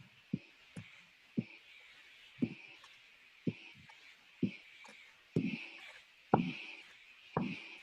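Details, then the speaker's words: Korotkoff sounds over the brachial artery in a live sphygmomanometry demonstration, after the cuff is inflated above systolic and then deflated: regular soft tapping pulses, about 58 a minute. "so what we saw was very inflating the cuff to a very high pressure cutting off the brachial artery and then releasing the pressure until you heard the first sound and that was the systolic pressure the high number"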